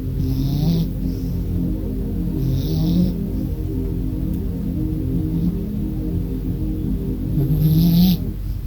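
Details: Sleeping blue-eyed cat lying in a box in a living room: soft, rough snoring with three noisy breath-linked bursts a few seconds apart over steady background music; snoring.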